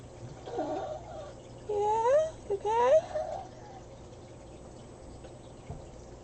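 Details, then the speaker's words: Very old dog with collapsing trachea gives two harsh, honking, goose-like cough bursts. "Mickey is a very old dog he has a collapsing trachea if you can hear that coffee he's doing that's what that cough is"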